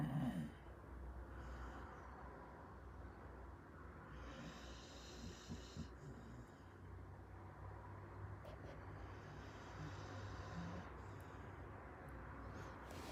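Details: Snoring from a sleeping Pitbull: low, rumbling breathing with soft snorting, over some background noise.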